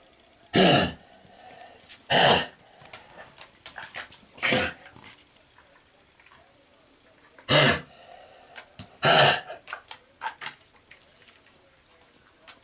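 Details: Dog with a chronic recurrent coughing fit, on and off for about 4 years: five harsh, hacking coughs over about twelve seconds with softer throat noises. Kennel cough-like, lasting days in a row, rarely productive except with infection and high fever.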